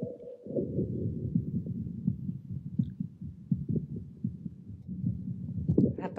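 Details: Normal heart sounds from a Thinklabs digital stethoscope streamed over Bluetooth to a loudspeaker: a muffled, regular heartbeat at about 80 beats a minute with a steady low hum.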